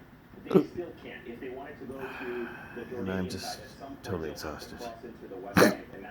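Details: Man with intractable hiccups since December 2015, recorded August 15, 2019, hiccuping hourly and multiple times an hour, sometimes with choking, reportedly starting from a breathing spasm; two sharp, sudden hiccups break into his speech within six seconds.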